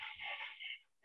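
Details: Dog with laryngeal paralysis, at rest: short, faint, harsh, high-pitched breath noise, a mild inspiratory stridor from a narrowed upper airway.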